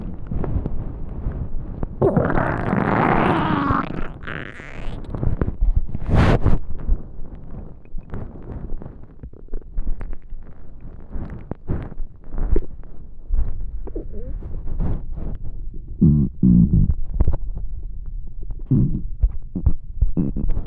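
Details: Extremely hungry stomach: prolonged low gurgling and rumbling with bubbling pops, loudest early on; active bowel sounds, hunger stomach growling (borborygmi).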